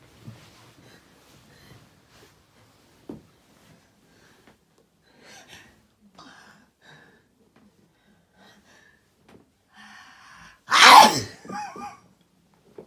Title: Long build up to big sneeze